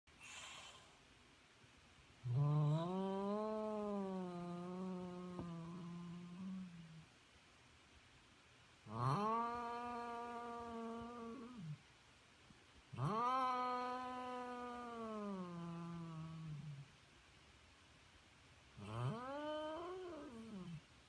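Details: Exhausted kitten snoring, also growling and hissing in his sleep: four long, droning, tonal humming snores with pauses between, like an old man snoring.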